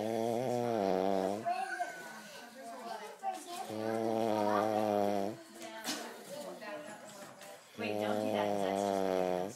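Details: Loud, rumbling, buzzy snoring on in-breaths, about 15 breaths a minute, with quieter out-breaths between; man sound asleep.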